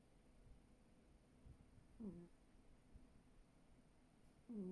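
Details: A cat snoring: quiet, low breathing broken by two brief, soft whistling snore sounds about two and a half seconds apart.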